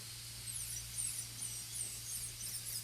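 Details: High-speed dental handpiece with a diamond bur cutting a full gold crown preparation on tooth number 30, rounding the occlusal surface from groove to embrasure: a steady, high-pitched whine shifting in pitch as it cuts, low electrical hum.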